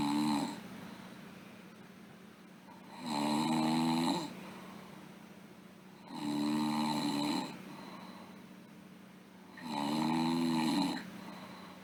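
Steady, buzzing, fluttery snores recurring about 18 times a minute over a low room hum: snoring.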